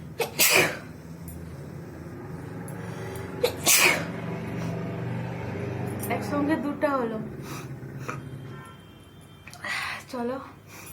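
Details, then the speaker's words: Two loud sneezes with counting speech and a little background noise, deliberately set off in a sneezing challenge by tickling the nose with paper and a dupatta; the eyes are watering and the nose is tickly. "বন্ধুরা দেখতেই পাচ্ছ কত হ্যাচিও হয়ে গেল আজকে। দেখি আর একটু, আর কটা হ্যাচিও হয় আমার।"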